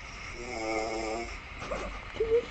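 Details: A sleeping male snoring: a single rough, tonal snore on inhaling, followed by faint room noise.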